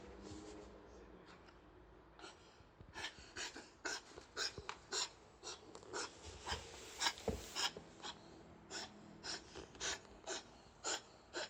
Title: ワンコの咳とクシャミを初めて聞きました。#shorts #kennel cough #Dog cough ＠ケンネルコフ